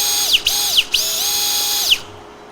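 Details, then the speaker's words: Surgical drill reaming the femoral tunnel through the anteromedial portal at 10 o'clock, knee flexed to about 110 degrees, during right-knee ACL reconstruction, a demonstration: high-pitched whine in several short runs, winding down. "i read the thermal tunnel i want to get to about 30 millimeters if i can anywhere between 27 and 30 millimeters is long enough"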